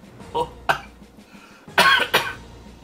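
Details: Adult man eating cereal from a 34-year-old box gives four short, harsh coughs and splutters in a small room, the third longer and throatier, like choking on dry food.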